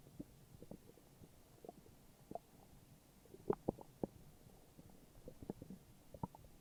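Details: Morning stomach growling: low, irregular gurgles and bubbling rumbles with a few louder pops near the middle; ordinary borborygmi.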